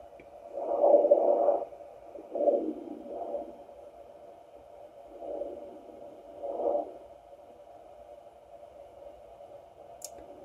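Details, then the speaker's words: Bowel sounds picked up with a fetal Doppler: irregular gurgling and whooshing bursts over a steady Doppler hum, gas and fluid moving through the bowel, easily mistaken for fetal movement. "air to me it obviously sounds like bowels moving around"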